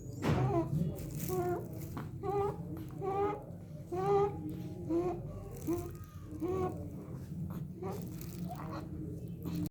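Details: A 3-month-old baby breathing at about 65 breaths a minute with a repeated high-pitched crowing noise on inspiration: inspiratory stridor from laryngomalacia.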